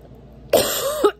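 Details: Adult who feels ill, flu-like, after eating: a single harsh cough with a throat-clearing quality, followed by a brief voiced tail.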